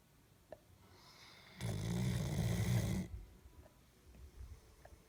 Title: Snoring doggo